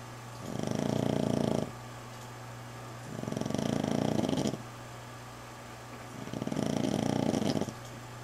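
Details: Female dog recovering from fight wounds, with drains in her leg, snoring while asleep: long, rumbling, rattling snores about every three seconds, roughly 20 a minute; owner says she has snored worse.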